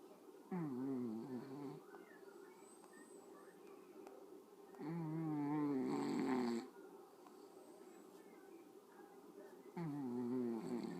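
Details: Sleeping cat snoring: three slow, rumbling, throaty snores on breathing in, roughly 13 a minute, with quiet pauses between them.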